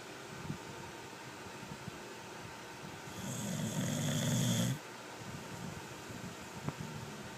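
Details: One loud, rough, low snore under two seconds from someone asleep, quiet room noise; ordinary snoring.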